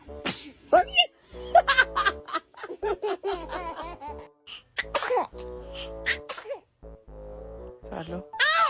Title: Kids sneezing 😂🤣#baby #funny #fyp #youtube